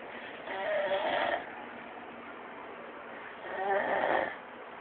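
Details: A sleeping man gives two slow, rattling, vibrating breaths, about a second each, with quiet pauses between; snoring.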